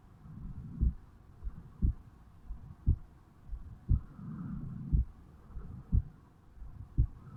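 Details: A 35-year-old male self-records his heartbeat at the mitral (bicuspid) valve area on waking in the morning: a slow, steady heartbeat at about 58 beats a minute with some rustling and rumbling between beats, normal heart sounds.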